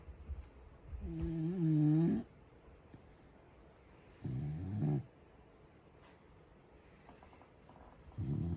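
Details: Loud, low, droning snores from a sleeping Corgi dog, three breath-length bursts separated by quiet pauses.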